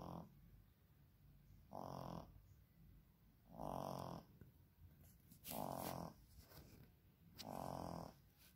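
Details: Soft, rough snoring from a sleeping little one, about five snores in nine seconds in a slow, regular rhythm in a quiet room; snoring.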